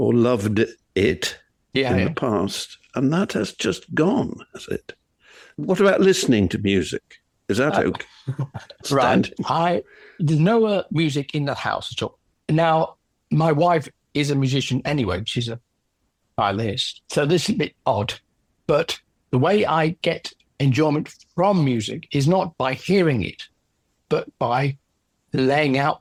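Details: Aphasia in an adult male orchestral percussionist, 10 years after a stroke from a left middle cerebral artery blockage; no speech at all initially, since improved with ongoing practice.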